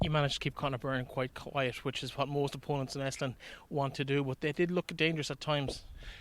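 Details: Adult male speaker; normal voice.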